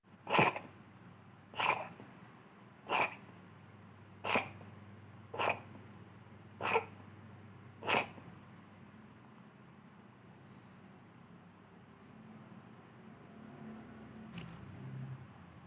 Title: My cat coughs and then falls asleep